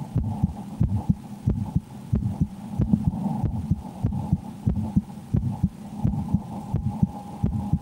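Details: Steady paired heartbeats at about 90 a minute over a low hum, heard through a stethoscope: the recorder's own heart while playing the horror game Slender: The 8 Pages, said to change with extreme fear; normal heart sounds.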